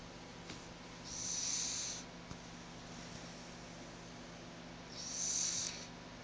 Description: Molly, my Cavalier King Charles Spaniel sleeping and snoring on my couch.